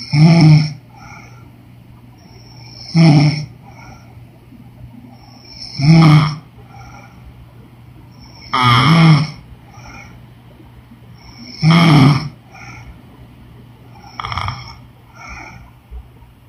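Regular low, throaty snores about every three seconds, roughly 21 breaths a minute, over a faint room hum. Ordinary snoring.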